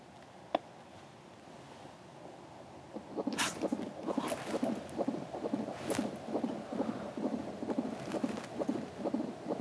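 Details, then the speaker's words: Fetal heartbeat heard on a home Doppler by a pregnant mother the day before her sonogram: fast, regular whooshing thumps of about 130 beats a minute. "but I got this machine that lets you hear the baby's heartbeat."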